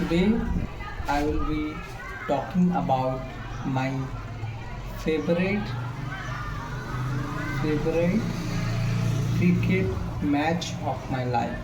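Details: Male speaker with self-reported stammering: stuttering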